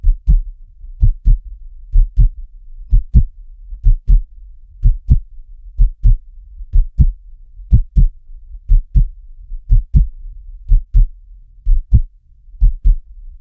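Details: Normal human heartbeat at medium speed: steady paired lub-dub thumps at about 62 beats a minute in a regular rhythm.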